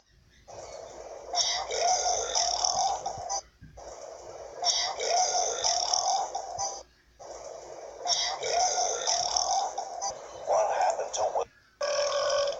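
Four long, drawn-out, tonal belches in a row, separated by short pauses; repeated burping.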